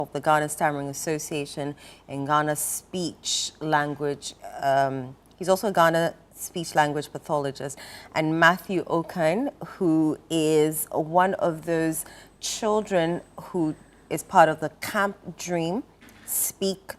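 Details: Adult woman speaking; Normal speech.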